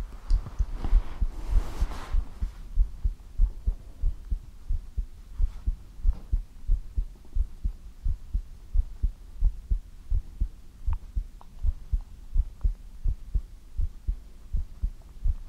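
Steady, regular low thumps of a heartbeat at about 94 beats a minute, with brief rustling at the start; a normal heartbeat.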